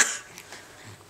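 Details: A young girl makes a single short, breathy cough on purpose as a "coughing trick", not from illness: a voluntary cough.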